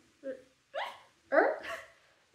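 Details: Three short, abrupt voiced yelps, hiccup-like and outside normal speech, from a person with Tourette syndrome describing tic attacks; vocal tics.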